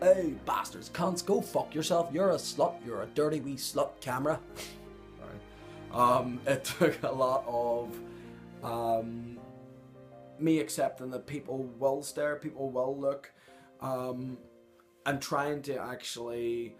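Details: Adult man with Tourette syndrome, a neurological disorder with motor and phonic tics, whose phonic tics include exclamations and involuntary swearing interrupting his speech. The finding is vocal tics with coprolalia.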